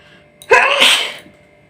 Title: nose sneezing challenge video part-2